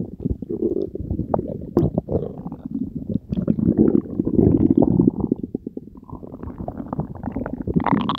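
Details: Continuous low gurgling and bubbling rumbles from the belly after Diet Coke and Mentos were swallowed together, recorded as ASMR; bowel sounds (borborygmi) of digestion.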